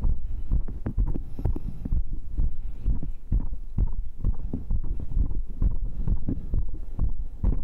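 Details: Own heartbeat recorded with a microphone right after the final round of muscle training (dips, abs, cross pulls, arm curls); rate stated as 132. Fast, steady low thumps at about 130 a minute: a normal elevated heart rate after exercise.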